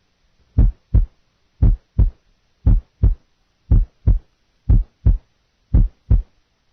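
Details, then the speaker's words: Simulated normal heart sounds at the left lateral sternal border with a split first sound; regular two-part heartbeat at about 57 beats a minute; nursing heart-sound assessment teaching recording. "listen now to a normal heart sound at the various sites first sound left lateral sternal border split"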